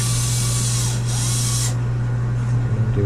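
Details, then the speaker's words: Dental polishing handpiece polishing a female cat's teeth under full general anesthesia during feline dental cleaning, with fluoride polish to remove micro-abrasions; steady low motor hum with high hissing whir that stops partway. "we're going to polish your teeth and the Polish will remove any micro abrasions on the teeth it also has a fluoride on it to help to help sort of protect your teeth"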